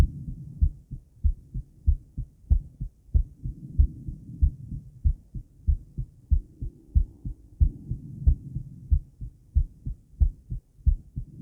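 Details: Woman's heart recorded around 50 squats, with blood pressure taken before and after: regular low paired thumps at roughly 94 beats a minute; normal heart sounds.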